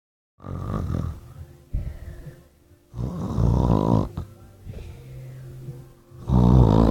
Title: Snoring part 2